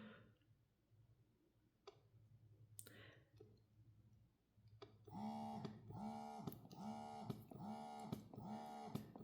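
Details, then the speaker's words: Horigen D6 wearable hands-free electric breast pump, stated to run under 40 dB: a few clicks, then a soft, gentle rhythmic hum cycling about every 0.7 seconds; a quiet pump with audible changes in suction. "You can hear the difference in suctions. You will still hear this, but while I’m speaking or with a bit of background noise you really won’t hear this too much. It’s got a gentle hum to it."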